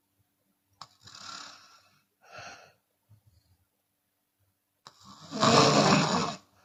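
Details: Chinese woman sleeping with open mouth, sometimes exhaling audibly: loud, rough snores with breathy exhalations between them during sleep; open-mouth snoring.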